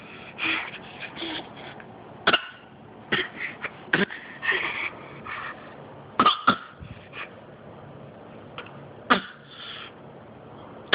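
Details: A child gives about six short, sharp coughs spread across the clip, with softer throat and breath noises between them, in a quiet room: cough.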